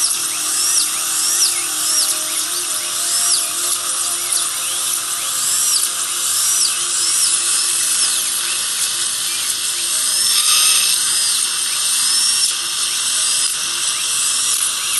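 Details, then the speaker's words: Steady high-pitched whine of a high-speed dental drill sectioning a lower left third molar at the buccal groove during surgical extraction; faint room music. "Very nice. And go around two thirds of the way through the tooth."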